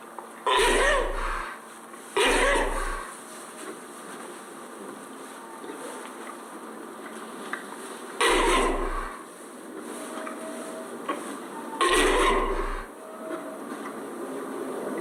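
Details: Sheep in a farm sanctuary barn, sneezing fit: four sharp, forceful bursts in fifteen seconds, two close together, with quiet barn noise between.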